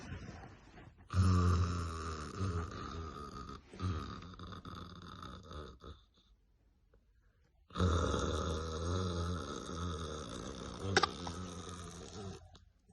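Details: Father snoring while his son imitates him, with laughter: loud, rumbling, rattling snores on long breaths, two episodes separated by a quiet pause.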